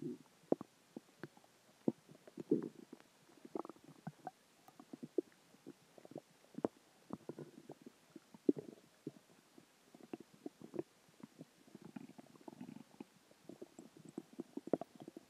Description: A combination of dinner, water, and gas